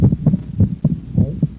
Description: Sound is that of S1–S2 at rest (“out”) and S1–A2–P2 with inspiration (“in”). S2 splits with inspiration because intrathoracic pressure decreases, drawing more blood into the right ventricle and postponing pulmonic valve closure.